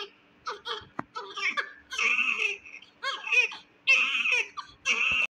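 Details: Repeated high-pitched cries in short bursts with brief gaps in a small room, from a premature, low-birth-weight (1.8 kg) newborn; newborn cry.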